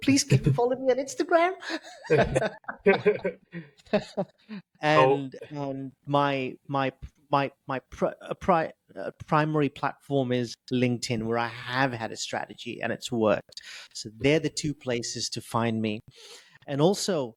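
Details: Adult male with stuttering since age 10, reporting blocks, prolongations and repetitions; word repetitions heard here; stuttering.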